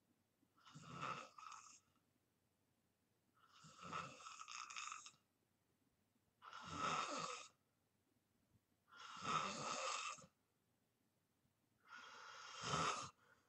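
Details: Self-recorded snoring in deep sleep: five long, rough snoring breaths over about 13 seconds, roughly 21 a minute, with quiet pauses between each.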